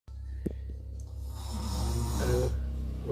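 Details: Continuous low, rumbling snore with a fluttering rattle, building in loudness over a few seconds; snoring.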